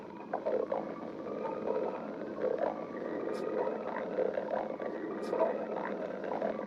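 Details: Stomach growling (borborygmi).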